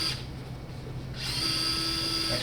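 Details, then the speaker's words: Surgical drill: a steady high-pitched motor whine that fades briefly, then rises again, as a power drill advances into the pelvic anterior column, above the acetabulum, for a CurvaFix implant's 30 mm straight portion. "you can see an etch there on the drill bed and that will be that 30 mm Mark for the straight portion of the curve ofix implant"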